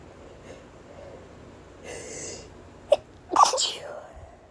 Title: Sneezing into a kleenex (mostly)